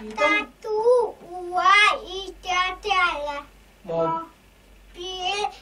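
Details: Child with hearing loss who uses hearing technology, counting during an Auditory-Verbal Therapy session; such children are described as not yet able to understand conversation or speak; speech of a child with hearing loss.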